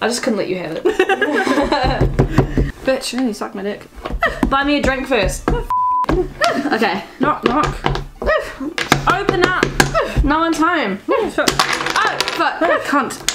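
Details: Adult speech, with others talking and laughing; Tourette syndrome vocal tics (coprolalia).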